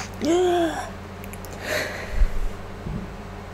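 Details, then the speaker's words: Self-induced sneeze from a person sick with flu for 8 days, still congested and nearly voiceless, mic gain turned up: a sharp voiced intake of breath, then a burst sneeze and a softer follow-up, a single sneezing episode. "so my sneezers are going to kind of maybe sound a little softer than this and um the air pitch will be lower I think maybe"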